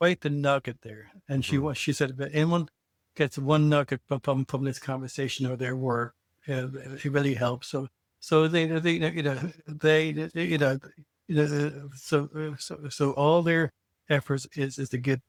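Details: Adult co-host who identifies as a person who stutters, heard speaking on a podcast about communicating differently; stuttering.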